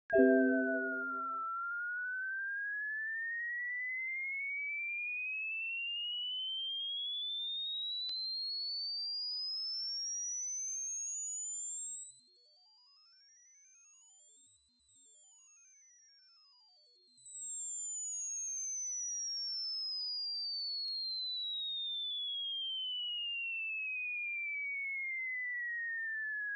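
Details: Uncalibrated demonstration tinnitus-matching test: a single whistling pure tone glides steadily up to a very high pitch, then slowly back down.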